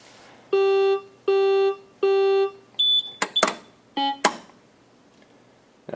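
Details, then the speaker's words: Maquet Servo-i ventilator booting up before a pre-use check: three long steady beeps, then a few short higher tones and clicks, a normal ventilator start-up sequence. "From here, as soon as it boots up, we get it asking us if we want to do a pre-use check, and we always want to, unless we know that it's been done previously and it's ready to be used."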